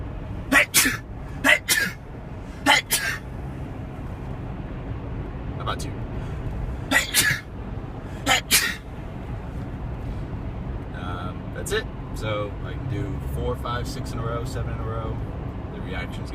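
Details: An adult man sneezes on command about six times in quick succession, each burst sharp and explosive, over low traffic noise; voluntarily induced repeated sneezing.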